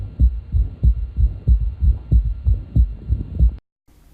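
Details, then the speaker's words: Patient, likely in left lateral decubitus position, heard with the stethoscope bell at the left ventricular apex. Regular low-pitched heartbeat near 94 per minute with a soft, quieter third heart sound after S2 that waxes and wanes in amplitude: S3 gallop. "The next example of a third heart sound will be somewhat quieter than our first example. Again, we're listening with the bell of the stethoscope at the apex of the left ventricle. You'll hear the third heart sound wax and wane in its amplitude."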